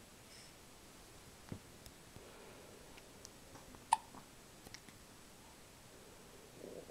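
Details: Hiccups in a girl: short, sharp clicks at irregular intervals in a quiet room, one much louder than the rest.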